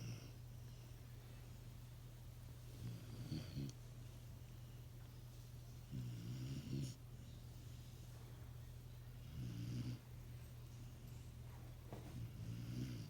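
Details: Mini goldendoodle snoring in the owner's bed: low, soft snores about every three seconds over a steady low hum.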